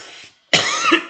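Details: Adult male teacher with winter allergy symptoms, not COVID, coughing: a single short, harsh cough in a quiet room, with his talk fading just before it.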